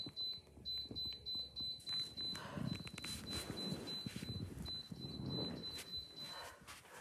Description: I have this alarm box that tells me it’s time to take my medication. It keeps going off; if I don’t get to it in time.